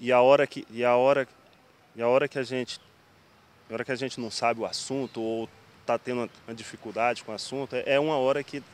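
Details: Person in speech therapy for stuttering, interviewed about the disorder; stuttering with syllable repetitions and sound prolongations, involuntary and worse in high-pressure situations: stuttering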